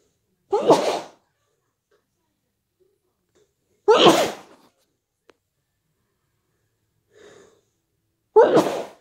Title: stuffy cold sneezes and blows